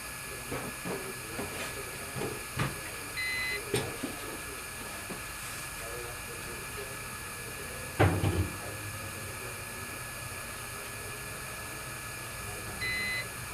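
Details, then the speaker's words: Dental curing light beeping at 10-second intervals during a 40-second cure of opaquer over exposed metal in a porcelain-fused-to-metal bridge repair (teeth 5–7); two short beeps over hiss and room noise. "And now cure this with the light for 40 seconds. Now, this particular light beeps at 10-second intervals."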